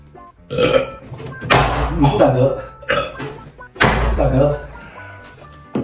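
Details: Several short, abrupt burp-like bursts mixed with voices and background music during a challenge to drink Coke without burping: burping.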